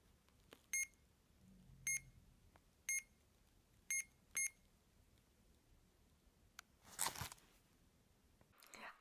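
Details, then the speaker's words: Chemotherapy infusion pump alarm at end of final FOLFOX round, stage 3 rectal cancer patient with ileostomy: five short high beeps about a second apart in a quiet room, then rustling. "अगले दिन मेरा chemo pump alarm चला गया पिछली बार मुझे बताने के लिए बंद किया गया।"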